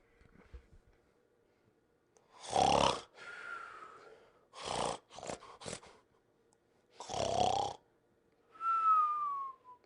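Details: Cartoon snoring sound effect, not a real sleeper: loud rasping inhalation bursts alternating with a whistled exhale, repeated three times.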